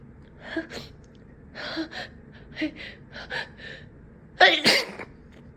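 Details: An apologetic run of gasping intakes and short stifled, held-back sneezes, ending in two fuller, forceful sneezes; sneezing fit with held-back attempts.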